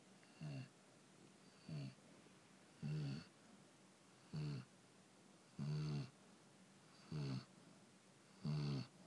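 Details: Senior chow chow dog snoring while relaxed and asleep on his dog bed, not running in his sleep: regular low, rattling snores on each breath, about 22 a minute, in a quiet room.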